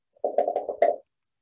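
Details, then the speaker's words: Increased bowel sounds on an abdominal auscultation simulator via simulated stethoscope: a quick run of gurgling, bubbling sounds close together. "i can also go back and go back to an increase in vowel sounds if i'd like"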